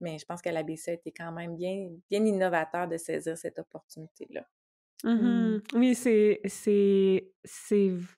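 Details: Adult female speech-language pathologist who stutters, speaking Quebec French; stuttering.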